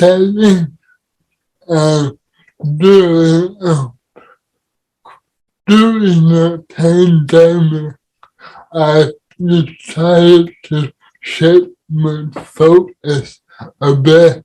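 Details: Adult with cerebral palsy; dysarthria (cerebral palsy).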